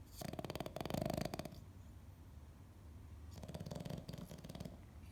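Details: Dog nicknamed for acting like a pig, snoring: low, fluttering, rattly snores in two bursts separated by a quiet pause.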